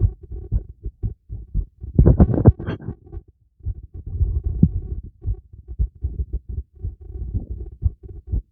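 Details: Fast, regular heartbeat heard through a stethoscope during a light workout, with a brief burst of breathing or rustle noise. Normal heartbeat.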